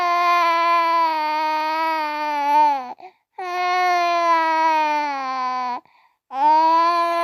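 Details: The uploader's infant son crying, with adults laughing and talking to him: infant crying.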